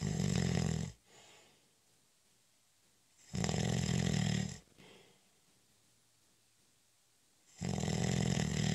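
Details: Loud rough snores with quiet breathing between them in a still room during a short, light nap (cat nap); ordinary snoring.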